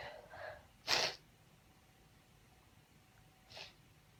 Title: Uncovered sneezes- unedited (F)